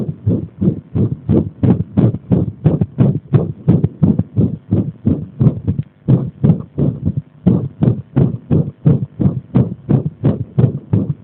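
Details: Irregular heartbeat (arrhythmia) brought on by pressing on the body: fast, dull heart thumps with uneven spacing and occasional short pauses.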